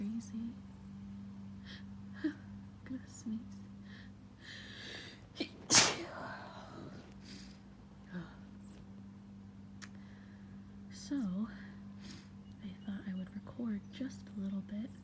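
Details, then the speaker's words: Woman with grass allergy in a spring sneezing fit after lawn mowing outside her open window, nose tickling on waking. A single loud sneeze amid quiet sniffling and soft voice sounds; allergic sneezing. "bit to let you guys hear what happens to people with allergies in the Midwest in the middle of spring. Oh gosh. Oh, it's so tickly. Oh my goodness. I do not know when the sneezes are gonna stop."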